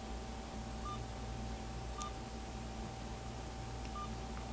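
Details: Three short, soft electronic beeps from key presses over a steady room hum, as an IV infusion pump is programmed for a dobutamine critical-care drip (patient weight 65 kg) in a nursing teaching demonstration; infusion pump keypad beeps.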